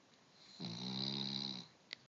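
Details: Cavalier King Charles Spaniel dog snoring: one long, buzzing snore with a rough tonal rattle on the in-breath, then a brief click.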